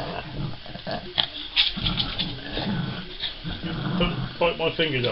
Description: Lexie the Cavalier King Charles Spaniel having a reverse sneeze.